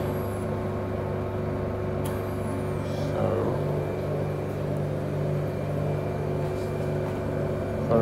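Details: Steady low motor hum with a constant tone from a suction machine (aspirator) running during a demonstration as the vacuum level is adjusted down, to about 200.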